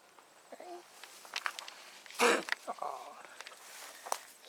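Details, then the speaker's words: Single short, explosive cough from a pet kitten on medicine, with light rustling and handling noise in a quiet room. "What's the matter? Some of those spiders go down the wrong way, did they?"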